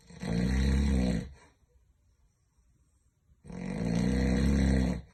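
Two loud, deep, buzzing snores about three seconds apart, with quiet breathing between; steady sleep snoring.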